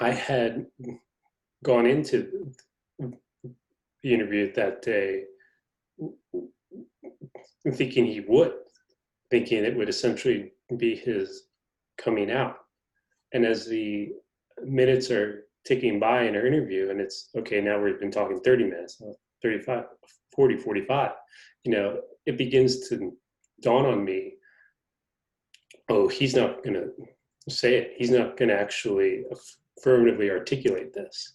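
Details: Adult man who stutters, in a conversation about living with stuttering; the host notes he has a pretty good stutter going on. Finding: stuttering.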